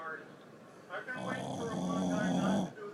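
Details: A single long, groaning, vibrating snore of about one and a half seconds, with soft breath noise around it; snoring.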